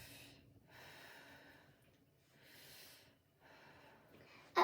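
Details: Adult male patient, head-to-toe assessment, lung auscultation with stethoscope: soft even breath cycles, no crackles or wheeze; lungs clear, normal vesicular breath sounds.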